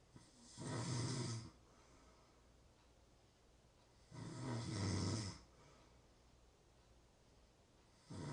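Rough, low rattling snores on each in-breath, about one every four seconds (roughly 15 a minute), with quiet pauses between: ordinary snoring.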